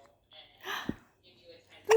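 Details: A 3-month-old baby with hiccups: soft cooing sounds broken by a couple of sharp, sudden hiccup catches.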